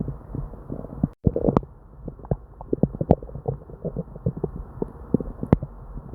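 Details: Person with diarrhea and an upset stomach: frequent irregular gurgles and low rumbles with little pause, hyperactive bowel sounds (borborygmi).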